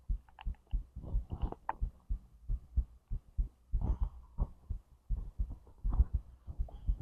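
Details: Self-recorded heartbeat and digestion sounds from stomach to intestines: dull, regular low thumps with occasional soft gurgles over them. Normal heartbeat with bowel sounds.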